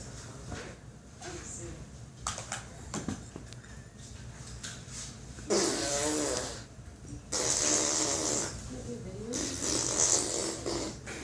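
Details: Someone deliberately making snoring noises imitating a grandparent; imitated snoring, not real sleep.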